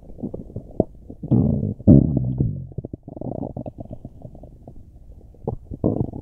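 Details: Loud, deep gurgling and rumbling from the belly with bubbling pops and long growls, recorded during a tummy ache; very loud bowel sounds (borborygmi).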